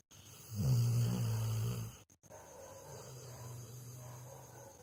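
A deep, rumbling low snore from a sleeping dog, followed by a softer steady breathing rumble; ordinary snoring.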